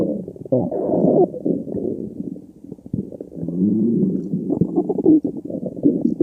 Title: stomach growling